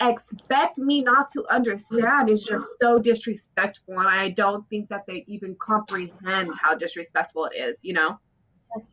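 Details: Adult woman speaking; ordinary speech.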